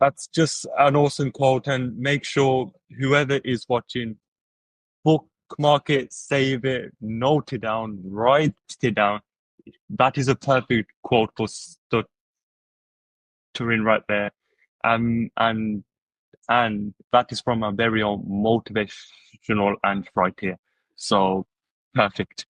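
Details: Adult who stutters, with word repetitions: stuttering.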